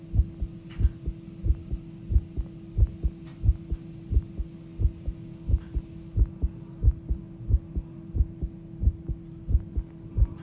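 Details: Recorded heartbeat after the heart started pounding, described as thudding rather than racing: a fast heartbeat.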